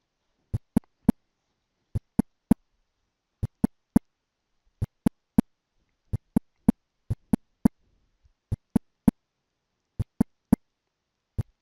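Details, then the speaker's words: Simulated S4 gallop: slow heart rhythm in triplets, a soft, low-pitched sound just before each S1–S2 pair, softer and lower than S1 and S2, from a stiff ventricular wall. "now let's listen to an s4 this one people often have trouble hearing you have to kind of anticipate the sound because the sound comes right before s1"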